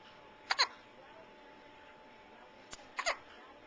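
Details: Infant with hiccups: several short, sharp little catches within a few seconds over quiet room noise.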